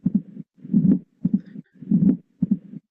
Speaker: el soplo diastólico donde bueno cuando estudiamos semiología algunos podemos haber leído el ritmo de audio tenemos un primer ruido brillante o puede estar acentuado